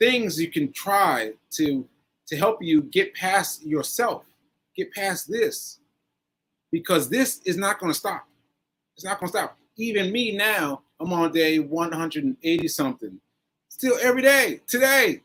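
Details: Aphasia in a man almost one year after a stroke on 7/14/22; this stretch shows word-finding pauses and fillers.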